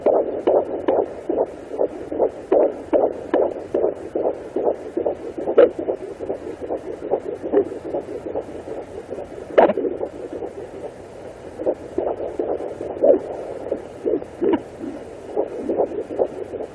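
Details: Fetal heartbeat of a baby girl at 18 weeks 4 days of pregnancy on a Sonoline B pocket fetal Doppler: fast, steady whooshing pulses about 145 a minute over a hissing background.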